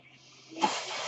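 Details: Breath-cycle noise of a mechanical ventilator used by an adult podcaster, heard while he speaks.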